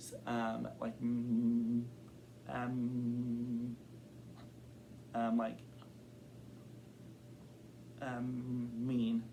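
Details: Adult man who has stuttered since kindergarten and reports blocks and varying severity; stuttering.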